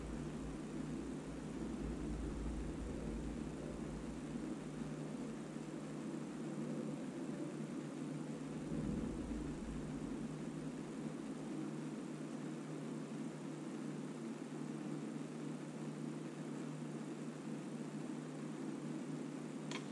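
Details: Yuwell YE650D talking automatic upper-arm blood pressure monitor: steady low droning pump hum as the cuff inflates and measures; adult male reading 158/92 mmHg, pulse 59 per minute, flagged abnormal.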